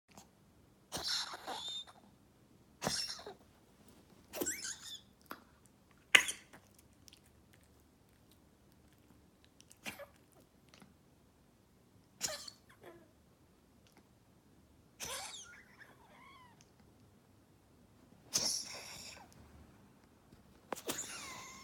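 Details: Cat sneezing about nine times in sharp bursts, some followed by whistly, wheezy breath noises; sneezing with wheezy breath sounds.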